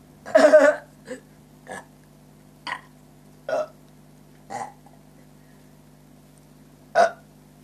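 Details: At a monkey park: a long loud belch followed by six shorter burps at irregular intervals over a steady low background hum; burping.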